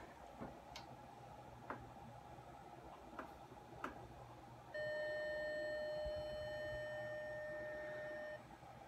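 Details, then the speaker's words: A patient's Medtronic ICD under a programming head, with the phone held close, plays its solid tone after faint clicks: a steady, unbroken high-pitched tone lasting a few seconds, the all-clear magnet alert. "that was the solid tone"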